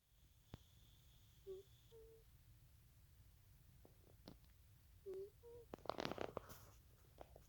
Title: Bubbles the cat close up snoring sound. He is very tired.